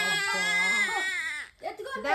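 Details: Young child crying out of fear of snoring sounds while the father tries to get the child used to them: a sustained, high-pitched distressed wail that breaks off briefly, then resumes.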